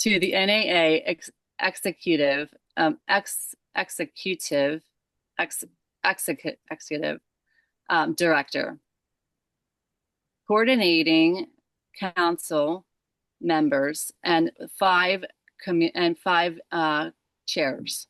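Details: Aphasia in a woman after a stroke at age 37 caused by moyamoya disease, onset December 5, 2022 during sleep; left side affected first.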